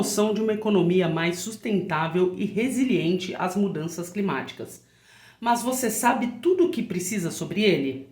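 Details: Adult woman speaking; normal voice.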